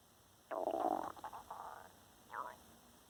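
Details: A brief gurgling, squeaky growl followed by a short second rumble from the person's own stomach; ordinary digestive noises, borborygmi.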